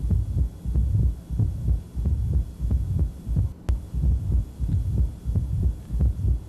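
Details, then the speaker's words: Opening snap in more severe mitral stenosis, heard just inside the apex in a somewhat tachycardic patient: a softened snap from calcified, less mobile leaflets, with a diastolic crescendo murmur. "can tell this one's a little softer than the first one we listened to as patients age and his disease gets worse that the leaflets in the inflamed structures calcify so they move less the less they move the softer the opening snap gets"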